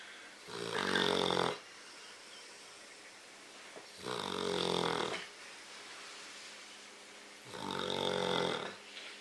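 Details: A woman snoring during sleep: three loud, rattling snores on the in-breath about 3.5 seconds apart, roughly 17 breaths a minute, with quiet breathing between; ordinary snoring.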